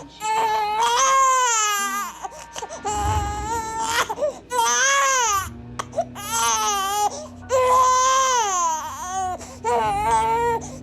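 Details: One-month-old infant's hunger cry: loud, rhythmic bursts of high-pitched wailing with short gasps between them, crying for a bottle, over background music.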